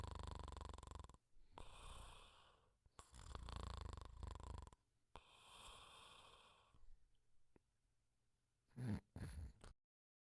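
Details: Simulated cartoon snoring (Pink Panther snoring quietly): soft rumbling in-breaths and whistling out-breaths repeated, then brief sound effects; an imitation of snoring.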